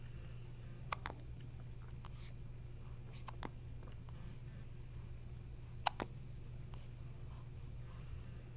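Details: Hiccups: a few brief, abrupt clicks, some in quick pairs, over a steady low room hum.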